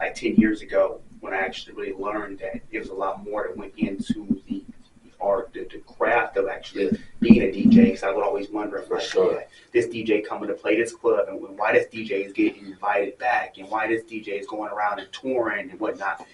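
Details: Adult man speaking; Typical speech.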